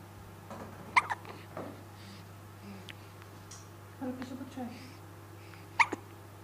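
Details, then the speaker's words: Infant with hiccups: two short, clicking catches of breath several seconds apart, with soft baby sounds between and steady room hum; hiccups. "Ooh. Ooh. Lots of hiccups. Hmm? Well, I hope the hiccups go away."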